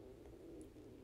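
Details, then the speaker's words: Woman aged 22, awake but not having eaten yet, hungry: faint, steady low rumbling gurgle; stomach growling (borborygmi) from hunger. "でめっちゃお腹鳴ってる、さっきから聞こえてるかもしれないけどめっちゃお腹鳴ってる。お腹空いた、お腹空いちゃった。"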